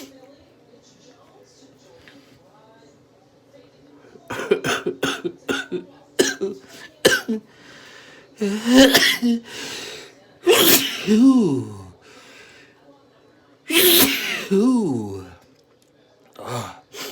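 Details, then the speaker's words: Person with stuffed, tickly nose and stuck sneezes inducing sneezes: run of sniffs and snorts building into about four explosive, messy voiced sneezes; induced sneezing. "but my sneezes have beginning stung so I'm gonna do a few induced ones to help it out"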